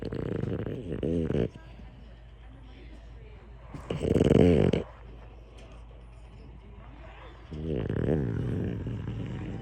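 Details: Sleeping, dreaming French Bulldog snoring: rattling, throaty snores in bursts with quiet gaps between.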